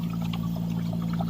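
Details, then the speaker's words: Steady low machine hum with soft, continuous bubbling of water in the humidifier bottle of a 10-liter-per-minute Owgels oxygen concentrator running. "So once you turn off this one, once you turn off the knob to 0, the bubbling stops also."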